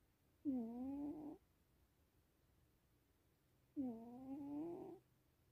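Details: Sphinx the sleeping cat: two drawn-out, humming, whistle-like breath sounds about three seconds apart in a quiet room; harmless cat snoring.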